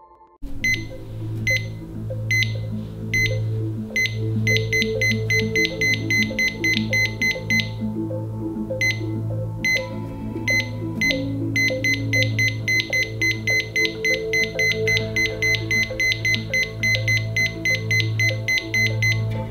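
Simulated monitor beeps that turn very rapid and regular, typical of supraventricular tachycardia.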